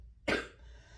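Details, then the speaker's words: Single harsh hacking cough from an adult recovering from a respiratory virus (either undetected Covid, RSV or another), which began with headache, sore throat and body aches. "Okay, so I'm going to pause here to tell you I began to tell you why I sound like I sound and why I keep having to edit this to take out hacking coughs."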